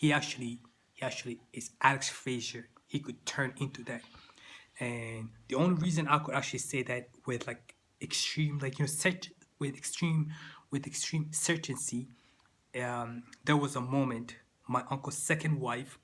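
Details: Adult man with stuttering that began in childhood and persists into adulthood.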